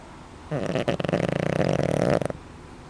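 A single drawn-out, rattling buzz on one in-breath, lasting about two seconds against a quiet room: an ordinary snore.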